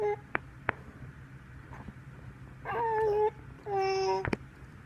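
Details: Baby's hiccups: several sharp, sudden little hiccup clicks between soft infant coos and whimpers over room hum.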